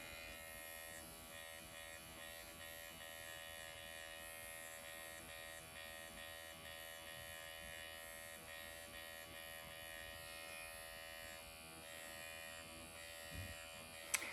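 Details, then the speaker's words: Motorized microneedling pen (MD Needle Pen) on numbed facial skin, lip line then upper lip stroked downwards, hyaluronic acid applied: steady high-pitched electric buzz with faint room noise. "I'm going to do an upward motion, and then just on the lip line here. I'm gonna do my upper lip, and I'm gonna go downwards."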